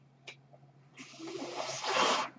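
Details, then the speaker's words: The speaker's own mechanical ventilator is audible behind his speech as he closes a recorded podcast; mechanical ventilator breath cycle. "My name is. That noise you hear is my ventilator."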